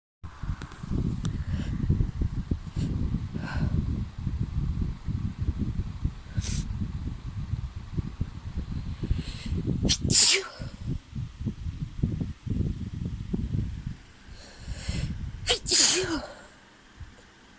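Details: Female sneezing from cat allergy after time around a friend's cat, with a fan running: two sharp, explosive hissing sneezes over steady wind-like rumble and rustling; repeated sneezes.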